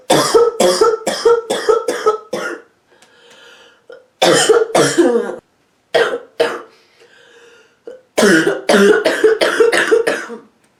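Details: A sick adult woman coughing constantly: repeated harsh, deep, barking, hacking coughs in clusters, with short wheezy breaths between bouts.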